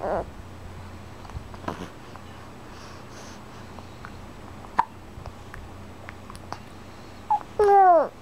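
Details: Young child hiccups: several short, sharp catches of breath spaced seconds apart in a quiet room, ending with brief voiced babble.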